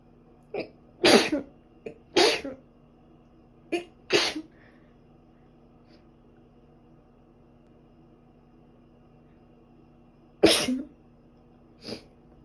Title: [ sneezing after a shower ] お風呂出た瞬間くしゃみ出た